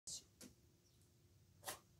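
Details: Female dog: short hissing puffs of air through the nose, two or three in quick order; small sneezes.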